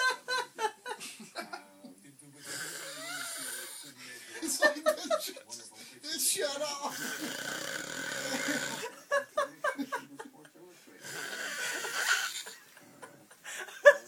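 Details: Soft, whistling, snore-like breaths, heard between bursts of loud laughter from someone nearby; snoring.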